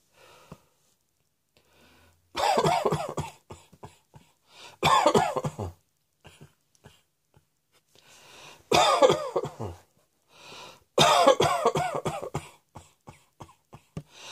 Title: Cross Dressing Coughing 87